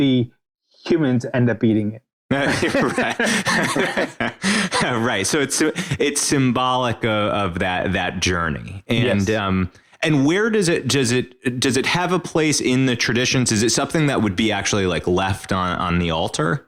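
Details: Adult speaker in conversation; ordinary speech.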